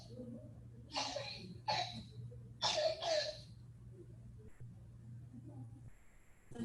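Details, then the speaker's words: Four harsh, barking, bass-rich coughs from a child, with the tail end harsher than the rest, like a barking seal; the distinct croup cough from swelling of the pediatric airway. "there's a very it's a very kind of like bass rich cough and it sounds a lot harsher than the rest of the cough that very tail end is what you're going to hear for that distinct croup cough it just sounds kind of meaner if you will than a normal call"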